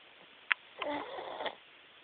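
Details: Sleeping cat snoring: a short, soft, airy snort on one breath, with a small click just before it.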